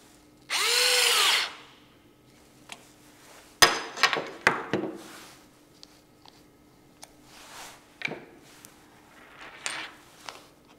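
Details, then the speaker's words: Intraosseous vascular access drill in operation on a simulator, drilling a cannula into bone for drug delivery during cardiac arrest (sites: humeral head or proximal tibia): a brief high whirring drill run, then clicks and handling noises. "If this is not achieved, then this system, which is an intraosseous vascular access device, may be used. This means drilling a cannula directly into the bone."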